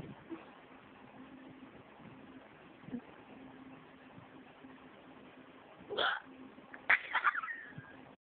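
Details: A person with hiccups while trying to go to sleep: two abrupt hiccup sounds about a second apart against low hiss and a faint hum; hiccups.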